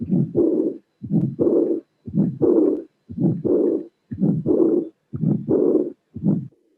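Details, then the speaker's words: Heart auscultation teaching recording, regular rhythm near 59 a minute: first and second sounds, a systolic ejection murmur, and a high-frequency blowing diastolic murmur not covering all of diastole, aortic regurgitation. "What is important and we have to consider is that this is a diastolic murmur."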